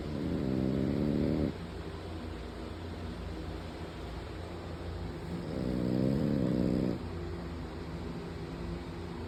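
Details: Two long, loud, rattling snores about five seconds apart over a steady background hum; typical snoring.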